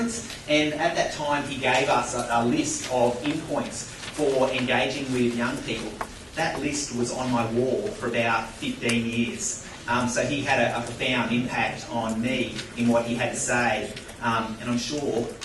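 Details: Adult speaker at a microphone; typical speech.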